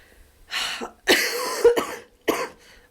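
Three harsh, wet-sounding coughs from an adult during a cold, one with a double burst, in a small quiet room.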